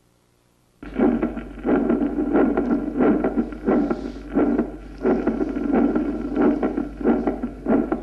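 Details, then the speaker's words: Regular heartbeat around 90 a minute with a soft, dull extra ventricular sound in protodiastole just after the second sound, giving a gallop rhythm: third heart sound (S3 gallop). "tercero es ventricular y se sitúa en proto diástole y sigue al segundo ruido y aparece después de la onda t del electrocardiograma"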